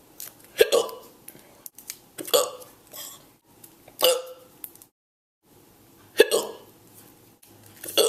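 About five abrupt, voiced hiccups about every one and a half to two seconds, with quiet gaps between them; repeated hiccups.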